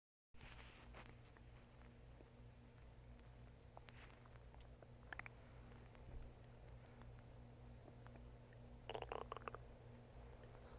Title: Stomach growling